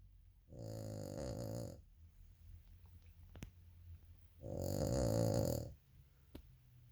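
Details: Snoring from Daisy, a small female Cavalier King Charles Spaniel in deep, sound sleep: two loud rattling snores about a second long, with quiet breathing between them in a small room.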